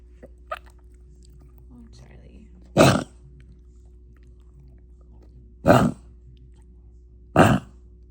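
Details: Dog wheezing and coughing: three short, harsh coughs a few seconds apart against a steady low hum.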